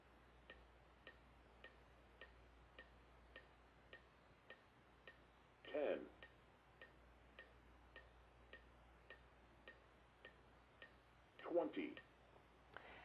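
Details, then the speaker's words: AED metronome pacing chest compressions at the proper rate during a CPR and AED training demonstration, after a shock was delivered: quiet regular clicks about twice a second with short bursts of sound between. "the AED is equipped with a metronome that's going to help us to perform those compressions at the proper rate"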